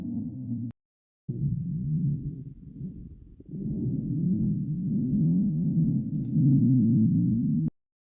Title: stomach growling